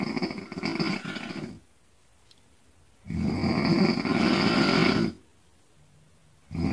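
Loud, rough snores of about two seconds each, separated by silent pauses, roughly every three to four seconds; snoring.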